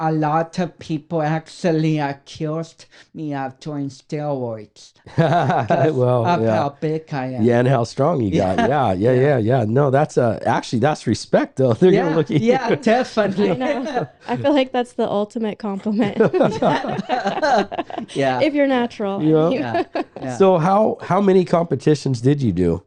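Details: Dysarthria from cerebral palsy in a 32-year-old man, whose cerebral palsy affects speech coordination and walking.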